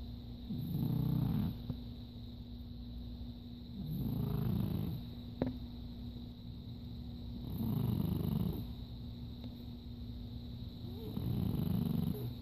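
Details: Loud, deep, rumbling snores from a sleeping adopted dog, four over about twelve seconds (roughly 20 breaths a minute), with a steady background hum; snoring.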